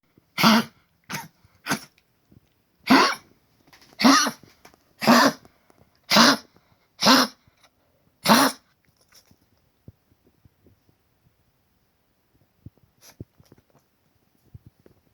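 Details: 13-year-old female dog with stage 3 congestive heart failure and collapsed trachea, coughing since age 9–10, on permanent medication for high blood pressure and CHF; a run of nine harsh, honking coughs.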